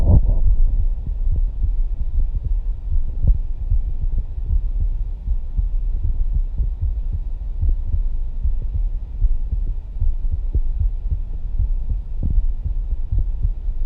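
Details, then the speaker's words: Live stethoscope auscultation of a person's heart after aortic, pulmonary and tricuspid areas: muffled low lub-dub thumps under rubbing and hum; normal heart sounds. "for me personally there was an audible difference between when we were listening to the AOC at the pulmonary and then we jump down to the tricuspid you could hear the love dub really"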